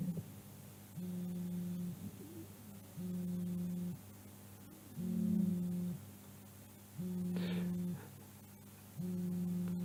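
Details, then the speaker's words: Wheezes from small bronchi: dry, steady, low-pitched musical sounds in both breathing phases, somewhat predominant in expiration, from narrowed small airways. "bronquiales de bronquios pequeños secos que se escucha en ambas fases respiratorias con algún predominio en expiración."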